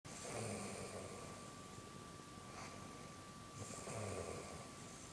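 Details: Snoring: two soft, rough breathing noises separated by a pause, over a steady background hiss and a faint tone.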